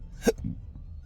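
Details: Single sharp hiccup with a throaty catch, then quiet breathing, while driving, from a person with intractable hiccups since a surgery on December 9, 2015 (recorded May 16, 2025, during a calm phase; also burps).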